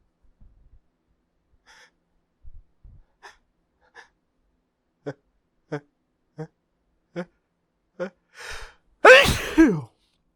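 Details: A series of short hitching catches of breath building up to one loud, forceful sneeze, with a failed attempt to talk and hold the large sneezes back.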